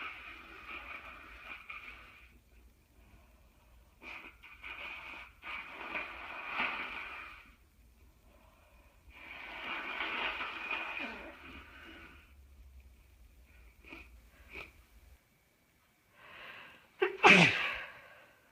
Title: Stuffed up cold sneezes and thick nose blowing